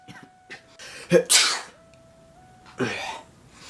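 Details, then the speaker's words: An acted demonstration of an uncovered sneeze, a sharp burst and then a second spraying burst over a steady background tone, showing the wrong way to sneeze. "see you know when you sneeze you know that stuff fly out your mouth or just like a spray or just disgusting this and we all technically don't need that in our lives"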